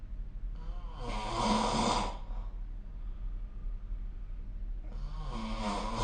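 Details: Snoring during sleep recorded with the SnoreLab smartphone app: two loud, rough, low-pitched breath noises separated by a quiet pause.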